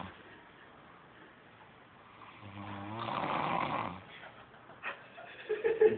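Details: Person sleeping: one rising, rumbling snore on the in-breath over faint room noise, followed by a few small sounds; snoring.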